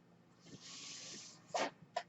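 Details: A man on a ventilator speaks while his mechanical ventilator runs. A soft, steady airy hiss of delivered breath is followed by two sharp valve clicks as the mechanical ventilator cycles.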